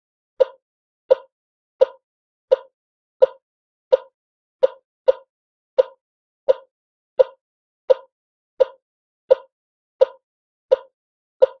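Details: Regular short beeps at about 86 per minute, one per heartbeat, from an infant ECG heart monitor sound effect.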